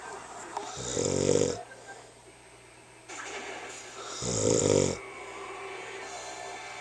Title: Snore Olympics 2010